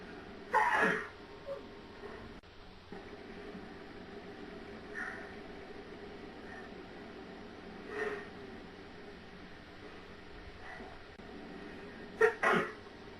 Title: sneezing like mad